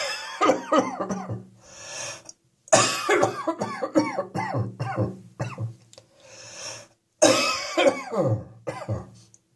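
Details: Three runs of harsh, voiced, throaty coughing indoors on a freezing winter day, chest and throat described as boiling hot, each followed by a long noisy in-breath: repeated cough.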